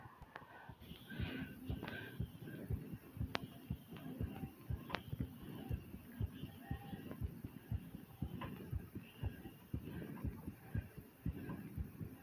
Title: Pounding Heartbeat And Breathing ❤